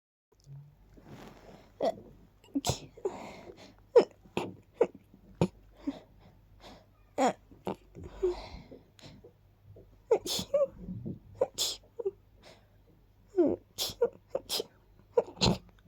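A long run of quiet, rapid little sneezes, short sharp bursts in quick succession with soft breaths between, in a quiet room.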